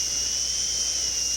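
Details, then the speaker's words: High-speed dental drill on a teaching model, placing a very light, slight buccal bevel finishing line on a maxillary second bicuspid prepared for a porcelain-fused-to-gold veneer; steady high-pitched whine while cutting. "we will place this bevel by using a very light very light touch does not have to be a very deep bevel it's a very slight bevel"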